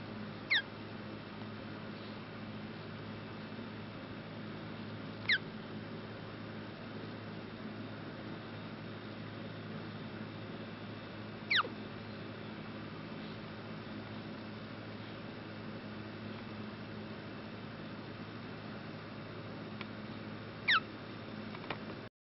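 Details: Infant hiccups: four brief, sharp, squeaky hiccups at irregular intervals over steady low room hum.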